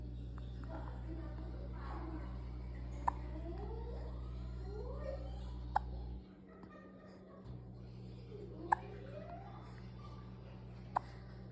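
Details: Two-month-old baby girl with hiccups during eye exercise: brief sharp clicks every two to three seconds, about four heard, under soft background music and faint baby sounds.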